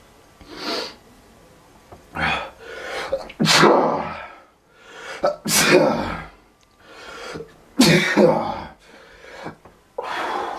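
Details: A person with allergies sneezing repeatedly, unable to stop: a run of about five forceful, sharply explosive sneezes in quick succession with breaths between them.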